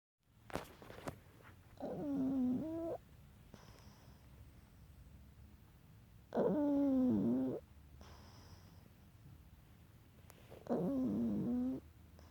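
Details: Three slow, tonal snoring breaths about 14 a minute, each a buzzing, wavering note over a quiet room; lazy snoring.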